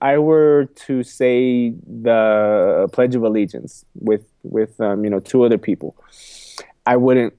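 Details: Adult man who has stuttered all his life, repeating a phrase and words several times and saying 'excuse me'; stuttering.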